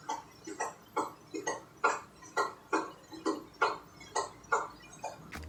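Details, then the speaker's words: Teaching example of the S1–S2–S4 sequence (atrial or late-diastolic gallop): regular heartbeat at about 67 per minute, each beat preceded by a soft extra thud; fourth heart sound (S4), atrial gallop. "mientras que la secuencia de r1 r2 y r4 se le conoce como galope auricular o tele diastólica la presencia de r3 sonaría de esta manera cómo mientras que la presencia de r4 sonaría de esta manera"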